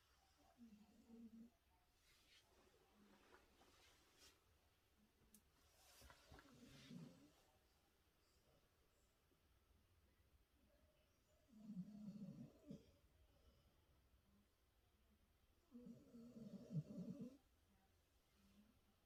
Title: Sleeping with my Dog has Scientific Benefits | listen to my Dog Snore#sleeping#doglover#snore